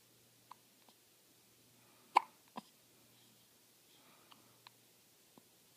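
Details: Several brief, sharp, isolated hiccup sounds at irregular intervals in a quiet room, the loudest near the middle; hiccups.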